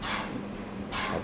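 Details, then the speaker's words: Steady low mechanical hum with hissy air bursts at the start and end: EECP machine compressor running during treatment of a heart failure patient who had been advised bypass surgery. "Hello friends background noise that is ECP machine is running heart failure patient is taking ECP was advised bypass surgery"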